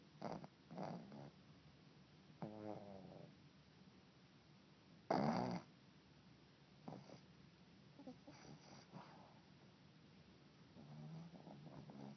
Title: Sleeping (and snoring) beauty